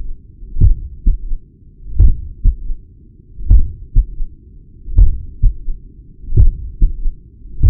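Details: Heart sounds at the apex recorded with a Stemoscope digital stethoscope: slow heartbeat with low extra filling sounds and a soft murmur between beats; third heart sound (S3) with heart murmur.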